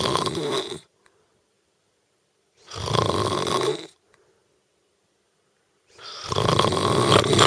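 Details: Adult woman snoring in sleep: loud, harsh snores about every three seconds, with silent pauses between breaths.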